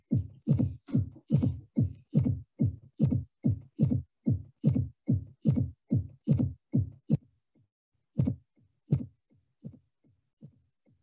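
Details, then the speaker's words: Teaching recording: regular heartbeat near 72 a minute with an extra soft low sound just before each first heart sound, "Tennessee" cadence (S4 then S1, S2); fourth heart sound (S4 gallop). "so this was like how it was tennessee so i will put that again so this 10 sound is actually the s4 and missy is s1 and s2 that is how it comes"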